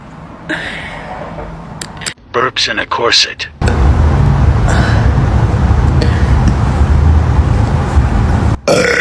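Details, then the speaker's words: Woman burping at a restaurant: a burst of loud, drawn-out belches over a steady low background rumble, possibly a vehicle. "Burping at a restaurant."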